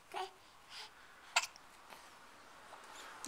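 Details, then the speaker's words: Smiling baby girl's hiccup while babbling, as her parent coaxes her to laugh: soft babbling with one sharp, sudden catch of breath in the middle, an infant hiccup. "are you about to laugh you in the hiccups now you should keep talking"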